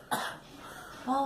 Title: Girl coughing